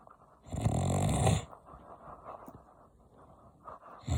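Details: Adult man (dad) snoring loudly in sleep: one loud, harsh, rattling snore, then quieter breathing and low room noise.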